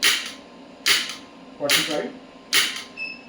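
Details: Electromagnetic shockwave therapy handpiece applied to the elbow joint at 1 Hz, energy raised stepwise toward 65 mJ: sharp, loud snapping pulses about once a second, like cap-gun cracks.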